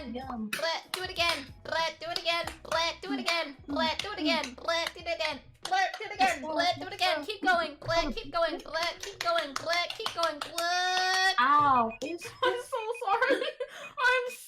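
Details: Woman with Tourette syndrome whose tics are set off by another person with motor tics, the two stuck in a cycle of triggering each other's tics; Tourette syndrome vocal tics.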